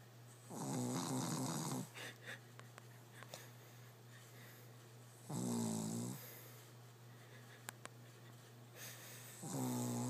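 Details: Shih tzu sleeping on his back under blankets with his head on a pillow: loud rattling snores on the in-breath about every four seconds over a steady low room hum; snoring.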